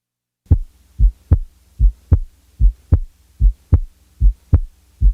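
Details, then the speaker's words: Teaching recording of heart sounds: regular heartbeat about 75 per minute with a soft first sound and louder second sound, like rising up a musical scale; S1 softer than S2. "now listen to a softer first sound followed by a louder second sound"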